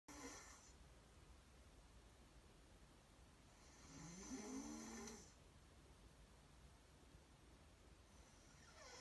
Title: The Endless Snore